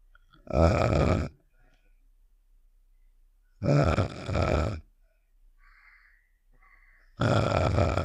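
Three loud, rough, low snore-like bursts with quiet gaps between; a cartoon snoring sound effect.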